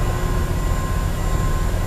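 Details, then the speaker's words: Steady, continuous low mechanical pump hum with no beat-to-beat rhythm, heard from an adult man; the man has no heartbeat; LVAD pump hum. "But you can hear. That's his heart. He has no heartbeat."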